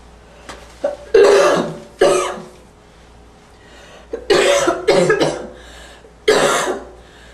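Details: A series of about six harsh barking coughs with a faint wheezy tone at the edges; barking cough with slight wheeze.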